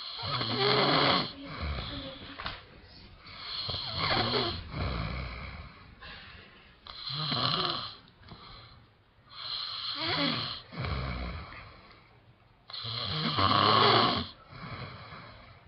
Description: dad snores horrbly